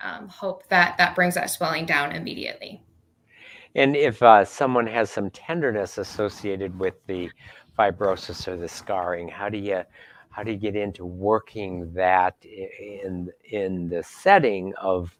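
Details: Adult speaker; normal speech.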